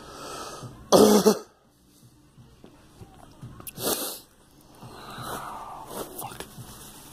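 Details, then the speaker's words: Adult with a persistent wet, productive cough bringing up clear phlegm, going on since a flu shot, coughing to the point of vomiting: harsh, forceful coughs with a gurgling, retching quality. "It's part of all its phlegm. But damn it. Oh, man. It's part of all its phlegm. Damn it. This fucking cough will never go away."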